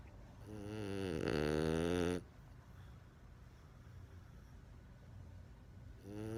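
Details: French Bulldog puppy snoring loudly: buzzing, rising snore on the in-breath, then quiet breathing before the next: snoring.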